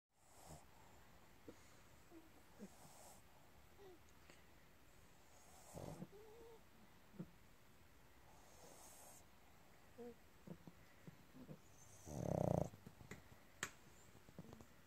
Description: Sleepy Fizzy pug snoring her way through a nap.